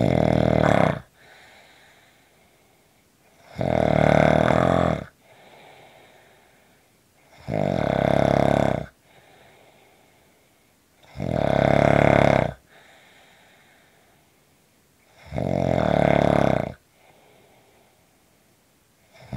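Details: Short snoring recording: loud, rattling snores at a steady rhythm of about 16 per minute, with quiet breathing between; snoring.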